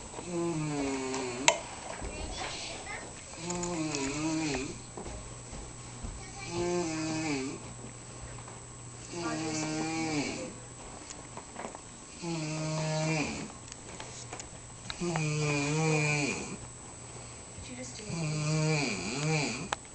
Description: hah my i filmd my bro sleeping and he was snoring!! hes sick and cant breathe so yeah thats why i thought it was just funny lol